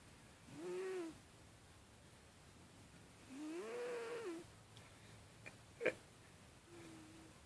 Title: Gingee sleeping & snoring